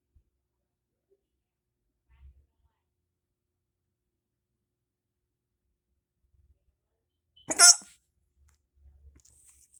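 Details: Person hiccupping with their mouth open, described as weird hiccups: near silence broken by a single sharp, abrupt gulp-like hiccup.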